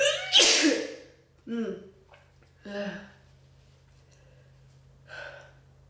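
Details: Big sneezes during a cold: one loud, forceful sneeze with a sharp burst of air, followed by a few softer breaths and vocal sounds.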